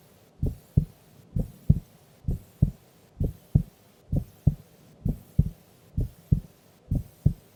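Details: Female asleep during an afternoon nap: steady regular lub-dub heartbeat at about 65 beats a minute with clear paired sounds; normal heart sounds.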